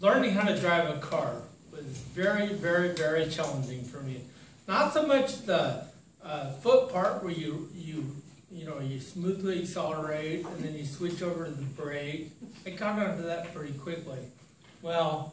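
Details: Adult man with ataxia diagnosed in 2003, lifelong balance and coordination difficulties since childhood, condition affecting his speech; ataxic dysarthria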